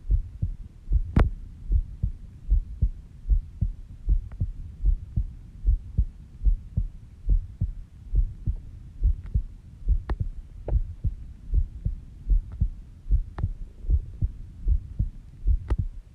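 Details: Normal heartbeat recorded on oneself while sleeping at 5:30 am, described as slow at about 70 bpm: steady, soft, regular low heart thumps of a resting rhythm.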